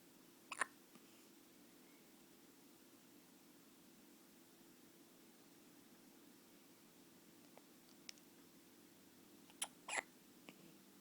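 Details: Baby: three brief, sharp hiccup sounds, near the start and close together near the end, over a steady low room hum: hiccups.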